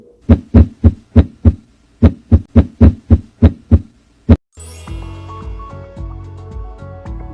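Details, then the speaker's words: Normal heart sounds of a dog: clear, regular lub-dub with no murmur, with background music following. "Para poderla auscultar el corazón, nos ubicamos al lado del olecrano y ubicamos nuestra mano y nos ubicamos en el tercero, cuarto y quinto espacio intercostal para poder escuchar la válvula tanto mitral, aórtica y pulmonar en el lado izquierdo."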